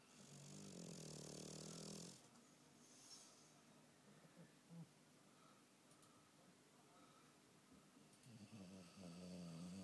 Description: Bulldog snoring